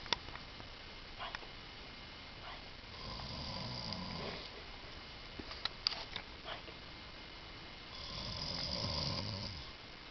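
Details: Slow, soft, rattling inhaled snores about five seconds apart with quiet room noise and small clicks; loud snoring.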